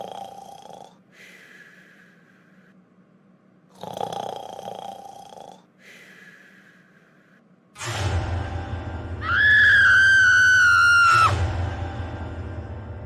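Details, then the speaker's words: Cartoon character Iris snoring in a simulated, acted cartoon snore: nasal inhaled snores alternating with whistling exhalations, ending in a loud drawn-out honk. "Iris, stop snoring. Sorry."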